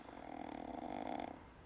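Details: Sleeping woman snoring: a single drawn-out rattling breath sound lasting over a second.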